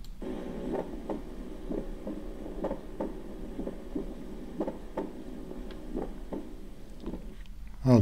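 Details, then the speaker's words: Split first heart sound, a normal finding: steady heartbeat near 63 a minute with the first sound split into two close parts. "So once again, please, once again, split first heart sound. Split first heart sound,"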